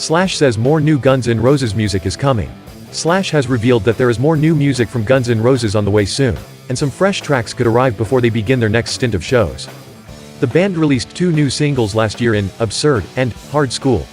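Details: Adult male speaker reading aloud, with background music; ordinary speech.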